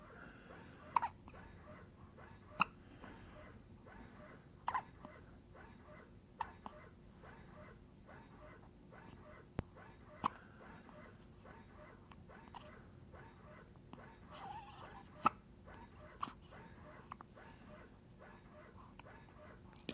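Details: Newborn baby: quiet, small hiccups repeating roughly every one to two seconds, about 12 in 20 seconds; ongoing infant hiccups.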